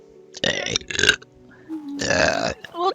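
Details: Burping from a vtuber's stream compilation: two short belches, then a longer loud belch, with faint background music.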